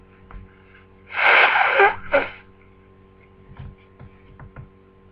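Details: Sneezing on day two of flu: one loud sneeze with a sharp intake and a second short burst, then quiet sniffles.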